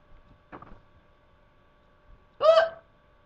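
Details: Hiccuping during a pillow fight with a brother: a faint catch, then a sharp voiced hiccup with a brief squeak over steady room hum; hiccups.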